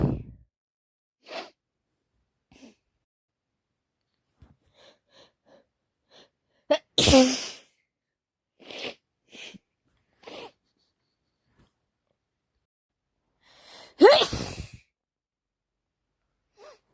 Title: Constant wet cold sneezing